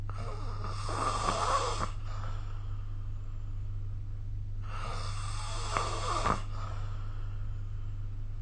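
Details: Snoring with repeated snorts and a moan from a sleeper, recorded with the SnoreLab phone app.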